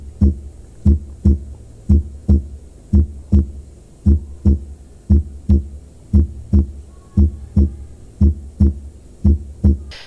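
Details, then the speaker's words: Teaching demonstration of a normal first heart sound (S1, "lub"), made by AV valve closure and heard best at the apex over the mitral and tricuspid areas. Steady lub-dub near 58/min, with a clear S1 opening each beat. "these valves shut and that creates the first heart sound which is called the s1 heart sound so here is how it is heard so you can see the first sound is the s1 heart sound or the love sound"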